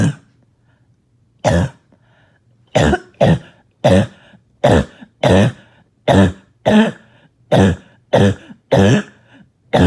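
About ten harsh, short barking coughs in quick succession after a pause: a barking cough with chest congestion.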